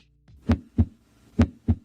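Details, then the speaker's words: Educational heart sound clip for health-science students: two clear regular lub-dub pairs of crisp low thumps, about 65 beats a minute, with no extra sounds. This is a normally functioning heart, normal heart sounds. "esto este es el sonido de un corazón que funciona normalmente"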